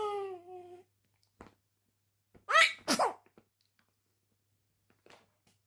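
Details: Baby sneezing: a short infant vocal sound, a quick catch of breath, then two sharp little sneeze bursts.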